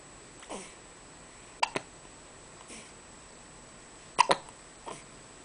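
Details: Person hiccuping with eyes open: sharp, abrupt catches in the throat at irregular intervals, several in a few seconds, with quiet room noise; hiccups.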